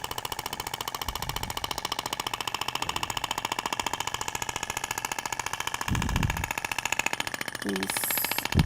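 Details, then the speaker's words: THORK radial shock wave therapy applicator firing on the abdomen. It is moved slowly in zigzag with the applicator's weight resting on the skin, and the tissue visibly vibrates. Rapid, regular tapping pulses with brief talk. "você vê que até o tecido vibra né Na hora que você tá aplicando deposita o peso do aplicador na P isso eu tô fazendo um zigue-zague no tecido"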